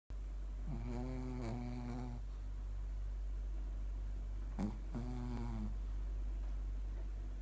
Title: Mylly snores shih tzu シーズー